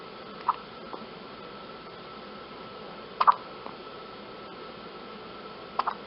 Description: Baby girl's first hiccups. / A newborn baby, only hours old, entering this world with her own little chorus of hiccups.